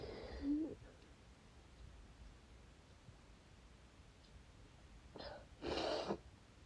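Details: Two wet, forceful sneezes with a quiet gap, the second louder and more explosive; cause unknown, nose tingling badly.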